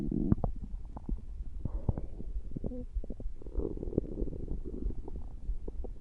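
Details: Male's stomach growling from hunger, a repeat episode: low gurgling rumbles with scattered bubbling pops and brief squeaky tones, typical bowel sounds (borborygmi).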